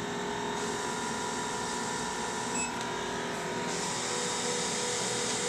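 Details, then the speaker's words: Isolaz vacuum skin treatment on a man's face, third session, infusing a leave-on solution; patient reports lighter, relaxing suction; steady mechanical hum and hiss with soft pulsing rhythm in a small room. "it feels like it's a much lighter suction mhm and it's it's almost relaxing"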